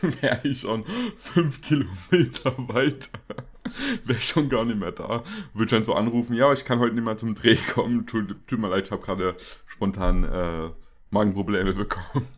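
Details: Adult male speaker; normal speech.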